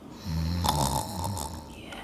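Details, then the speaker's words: Snoring from young men sleeping in a cabin room. "um these are where some of the boys are sleeping as you can hear them"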